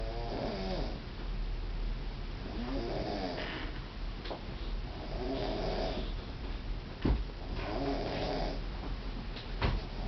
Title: La Roncadora (woman can snore)